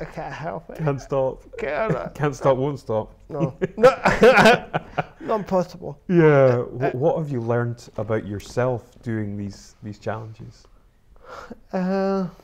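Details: Adult speakers in conversation; typical speech.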